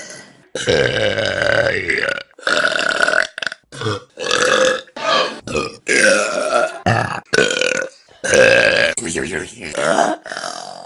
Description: The best burps on vine.